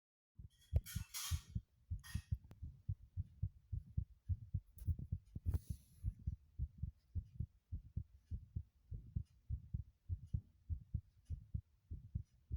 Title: the most intense heartbeat sounds video I've ever made